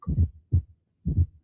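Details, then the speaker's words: Low heartbeat at about 57 per minute with an extra soft thud late in diastole, just before the first sound: a presystolic fourth heart sound (S4 gallop). "y el cuarto ruido está al final de la diástole está miren o presistólico"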